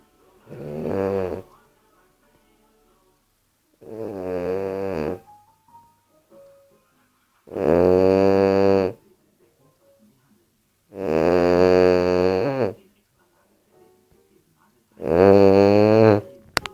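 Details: Bulldog asleep on the owner's leg, snoring loudly: rattling, tonal snores about every 3.5 seconds, roughly 16 a minute, with quiet pauses between.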